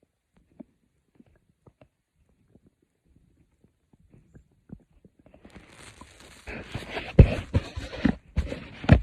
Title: A Stomach growling video by me. Quiet growls for sleep…